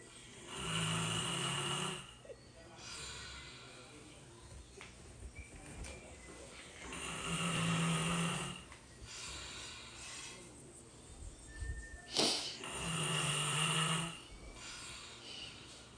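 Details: Loud, rough snoring on each breath in, about three snores over sixteen seconds with some room noise, from a sleeping adult man in a humorous clip; snoring.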